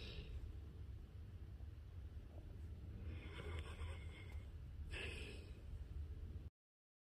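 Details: Snoring from a pit bull dog.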